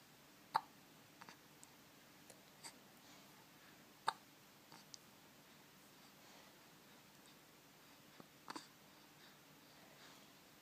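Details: Hiccups in an 8-week-3-day-old baby boy: faint, sharp little catches recurring every few seconds in a quiet room.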